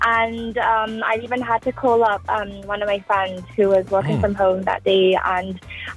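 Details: Foreign accent syndrome in an adult Australian woman, sudden onset on waking, noticed after tonsil surgery, day 56; accent resembles a mix of Irish regional accents though she never visited Ireland.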